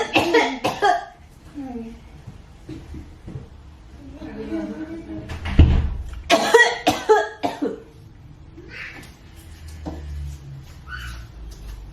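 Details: Feigned cough: a mother fakes coughing up blood as a prank on her children. Several harsh, bursting adult coughs amid a child's talk and room noise.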